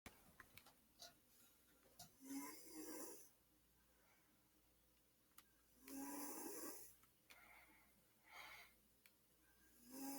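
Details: Snoring in a sleeping adult brother: rhythmic, about 16 breaths a minute, with rough, fluttering noisy breaths.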